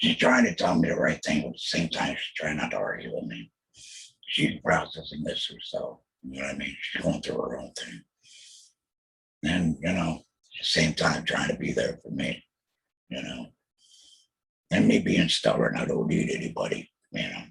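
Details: Alaryngeal speech by a laryngectomee after total laryngectomy for throat cancer diagnosed in 2020, followed by chemotherapy and radiation.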